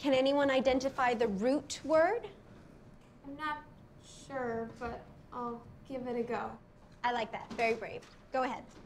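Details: Adult female and another speaker in acted dialogue; typical speech.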